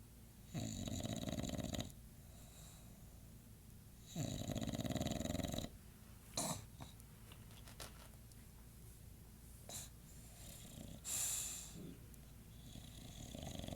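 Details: English Bulldog asleep at 2:50 am: rough, harsh snores on long breaths with snorts and sniffing noises between; heavy snoring.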